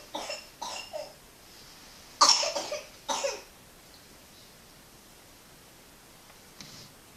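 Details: A child's cough: a group of three short coughs, then two quick bursts, then quiet breathing and one faint sound; the cough is said to get scary later in the recording.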